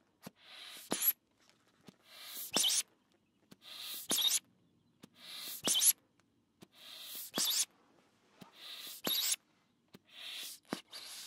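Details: Blood pressure cuff sounds in an ASMR recording: crunchy fabric and repeated hissing air puffs and squeezes from the cuff bulb, about one every second and a half.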